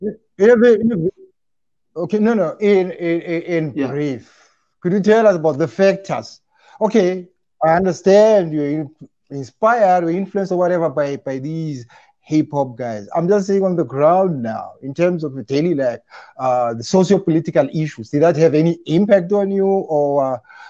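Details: Adult man speaking; ordinary speech.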